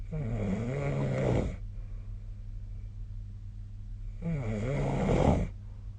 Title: 🐽 本日のイビキ / Snoring Sleep Sound 2025/02/08